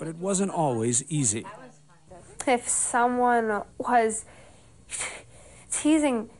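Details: Adult female narrator; no speech disorder.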